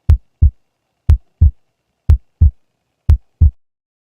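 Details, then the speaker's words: Regular paired heart sounds, S1 then S2, at about 60 beats a minute with no extra sounds, during an academic physiotherapy demonstration of cardiac auscultation points: normal heart sounds. "Y pues para concluir en la parte de este tema, vamos a tener lo que son los sonidos. Eso se consideran como S1 a S4."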